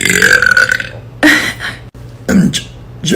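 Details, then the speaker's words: Woman burping deliberately on command after drinking an Irish coffee, just learning to do it: several long, loud, voiced belches one after another. "to all the people that say burping isn't ladylike and that is all I just started learning how to do this so let's give it a shot let's try it again"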